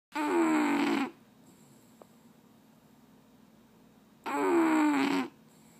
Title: Soprano snoring Rio